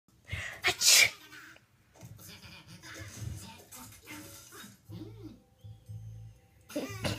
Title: Sneezing Scares Baby to Tears